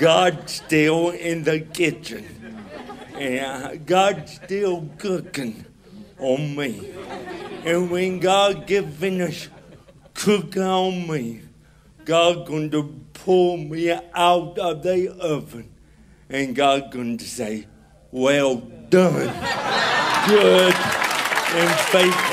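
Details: Adult man with cerebral palsy, giving a real spoken testimony, with dysarthria; he says himself that he walks with a limp and talks differently, and he is described as hard to understand in places.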